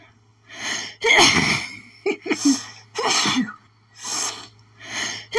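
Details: Sneezing fit attributed to pollen, with itching, strong enough to cause doubling over: a run of about six sneezes, some with sharp gasping intakes between, over a steady low hum.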